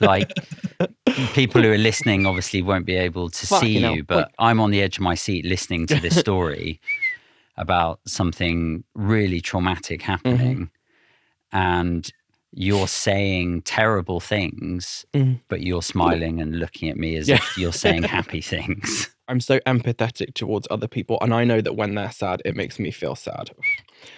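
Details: Adult male speaker; normal conversational speech.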